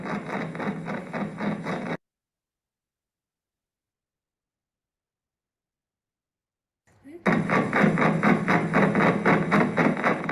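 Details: Myokymic discharges.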